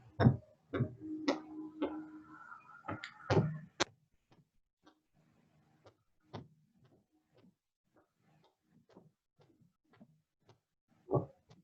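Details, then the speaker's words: Sharp tapping Korotkoff sounds, loud at first then faint and varying in strength at a rapid rate: pulsus paradoxus, a systolic pressure drop greater than 10 with inspiration. "pulseless paradoxes is defined as a systolic pressure drop greater than 10 with inspiration"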